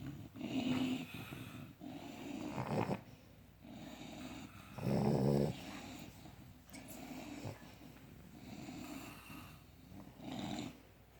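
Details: Several overlapping low, rumbling snores with snorting breaths from three sleeping animals, in irregular rhythm; snoring.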